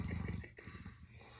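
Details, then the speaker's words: Dogs snoring while sleeping at about 5:40 in the morning: a low, fluttering, rattly snore fades into a quieter breath, with faint room noise behind it. "but the reason why i came online is because i wanted you to hear my dogs snoring"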